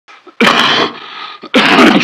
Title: Coughing Compilation 2023